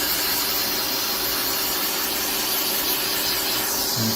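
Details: Rotary grinder sanding super-thick, uneven foot calluses during podiatry care: steady, high hiss and whir, dropping slightly in pitch near the end as the speed is lowered.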